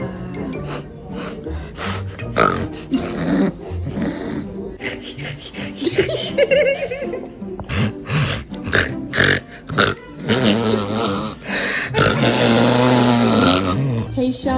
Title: Asking Vet Staff to imitate a reverse sneeze! Who did it best? (Thx West Davis Animal Clinic!)